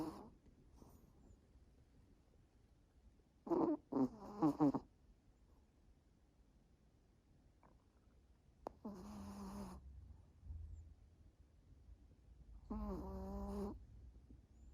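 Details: Snoring in a quiet room from an exhausted male after a walk and a vet appointment: soft breaths, a few noisy inhaled snorts, and a longer whistling tonal snore near the end.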